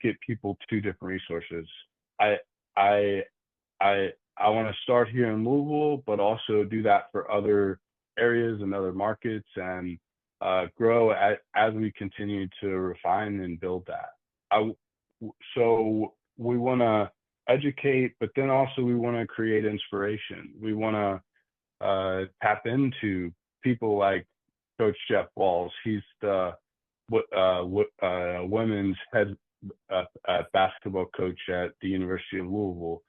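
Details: Adult man who stutters, with audible word repetitions; stuttering.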